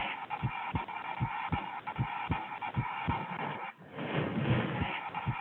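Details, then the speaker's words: Pediatric cardiology teaching example of normal heart sounds: regular, paired lub-dub first and second heart sounds at about 77 a minute. "and i have an example here of a normal heart sound go ahead and play this"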